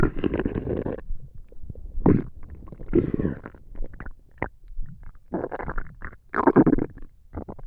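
Irregular gurgling and rumbling bursts from the abdomen, typical stomach noises of digestion.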